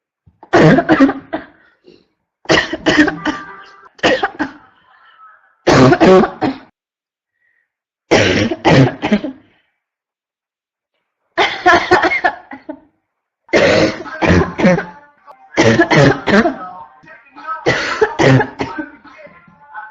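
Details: Adult woman with constant barking cough: repeated harsh, barking bursts, several coughs per bout, almost without pause.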